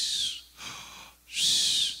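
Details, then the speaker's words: Asthma imitation: quiet normal intake, then a high, whistling outward breath, mimicking the noise an asthmatic patient makes breathing out; imitated expiratory wheeze. "Entonces el paciente va a inhalar, o sea, va a jalar aire, y lo va a jalar bien, pero a la hora de sacar el aire es cuando hace el ruido. Entonces la respiración es así."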